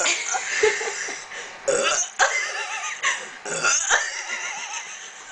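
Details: Several loud, drawn-out throaty burps with laughter and talk between them; deliberate belching in a burping competition between two people.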